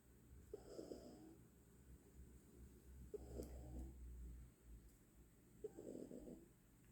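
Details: Cat in deep sleep, three soft rattly snores at about 24 breaths per minute over a low steady room hum; snoring.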